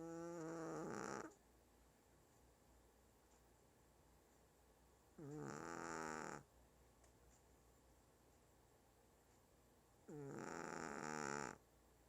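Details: 1-year-old Shih Tzu dog asleep, snoring loudly: three long, loud, rattling, nasal snoring breaths, about 12 a minute.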